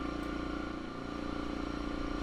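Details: Steady, loud hum with rapid even pulsing of an oxygen concentrator running while a propane torch is lit and oxygen slowly added to reach a balanced, non-hissing flame in a home jewelry studio.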